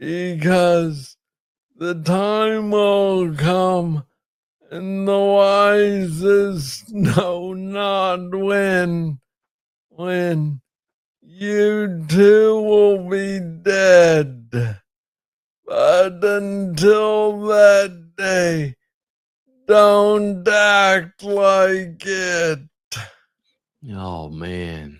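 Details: Adult man with Parkinson's disease diagnosed in 2014 at about age 35, first misread as tennis elbow; slow speech in Parkinson's disease.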